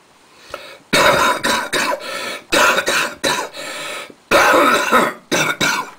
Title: A Bad Cough